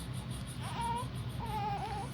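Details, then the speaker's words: Newborn baby girl in hospital shortly after birth, possibly after caesarean surgery: high-pitched wailing cry in two bursts over constant room hum; ordinary healthy newborn cry. "look, she's crying like Cen when Cen's a baby."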